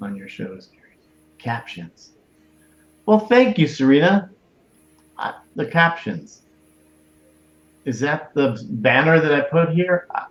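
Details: Adult speaker; normal speech.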